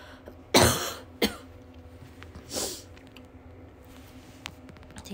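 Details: Young woman who is unwell and taking medication after a doctor's visit for a suspected early chest illness, with a blocked nose: three short, harsh coughs with quiet room noise between.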